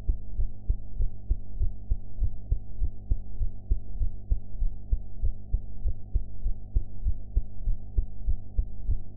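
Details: Heart sounds recorded after eating, sound quality enhanced; steady, muffled heartbeat thumps at about 98 beats a minute under a low hum.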